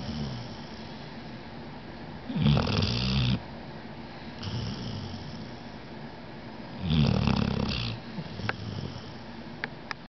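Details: Poppy sleeping, recorded in September 2009: loud, deep, rattling snores about every four to five seconds, with softer noisy breaths between; snoring.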